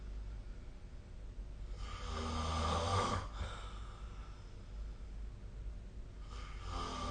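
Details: Snoring recorded during sleep with the SnoreLab app: one long, rough snore on breathing in, then quieter breathing with a second snore starting.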